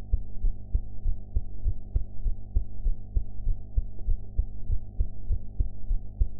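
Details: Own heart sounds recorded after eating ("blue"), audio quality enhanced afterwards: steady low thumping heartbeat at about 100 beats a minute over a constant hum.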